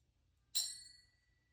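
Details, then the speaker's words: Weber hearing test during an ear exam: a tuning fork is placed on top of the patient's head and struck with a second fork, giving a bright metallic ping that fades within a second. The patient hears it equally in both ears. "First things first, I'm going to put my tuning fork on top of your head. I'm going to strike it with my other fork."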